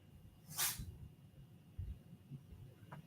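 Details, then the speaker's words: A cat with a cold, heard in the background of a call, gives a short, sharp hissing sneeze, then a faint second one, against quiet room noise. "my poor cat has a cold if you hear it sneezing yeah I heard it sneeze"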